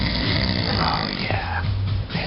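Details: Person snoring after four beers and a shot of Malibu: one loud, long, rough, throaty rumbling snore.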